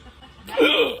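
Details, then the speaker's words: One abrupt voiced gulp, a sudden catch of breath with a brief vocal sound: one of a run of fast hiccups after eating very hot Carolina Reaper pepper, alongside capsaicin coughing. "oh yeah that's some fast hiccups"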